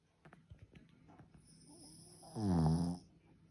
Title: BOSTON TERRIER SNORING